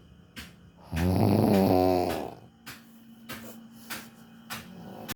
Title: She snores louder. #viralvideo